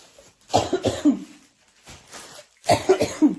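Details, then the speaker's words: Two bursts of repeated coughing, three coughs each, separated by a quiet pause in a small room; woman ill, coughing through the night. "Ixi, Maria. Tossindo nas roupas dos outros."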